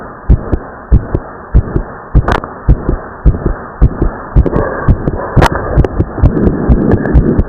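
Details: Fast, strong heartbeat, about 140 per minute, in a teenage boy after overexertion during exercise, with the second heart sound heard as a close double; split second heart sound.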